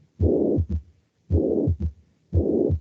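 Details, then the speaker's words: Holosystolic murmur of mitral regurgitation, filling the whole of systole between the first and second heart sounds. "de insuficiencia mitral ocurren primer ruidos el cardiaco segundos río cardíaco durante la sístole ocurren durante toda la sístole"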